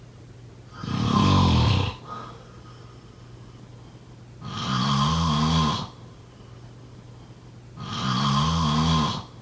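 Three loud, rattling snores on the in-breath, a few seconds apart, with quiet pauses between; ordinary snoring.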